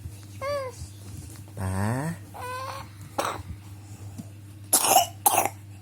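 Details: Young child with a cold and cough, told to take medicine: a few short vocal sounds, then two sharp coughs near the end, over a steady low hum.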